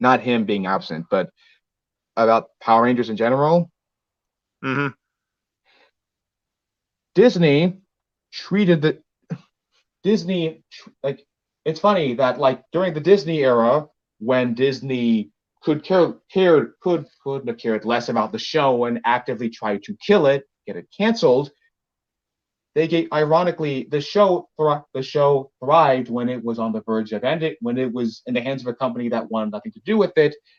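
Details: Male podcast co-host who reports having a bit of a speech impediment, type not specified; speech disfluency with stuttering-like repetitions.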